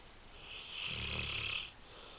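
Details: Female English Mastiff dog snoring while asleep: a single long, hissing, rattling snore.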